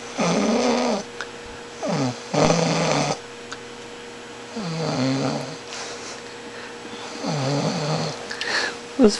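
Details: Person snoring: rough, throaty snores repeating about every two to three seconds over steady room noise; ordinary snoring.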